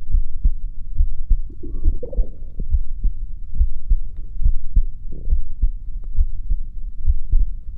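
Steady low thumps at about 70 beats a minute, with a faint hum in the background; a regular heartbeat.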